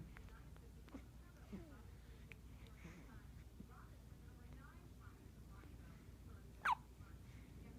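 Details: Newborn baby girl with hiccups: soft background sounds, then one abrupt, clipped hiccup near the end.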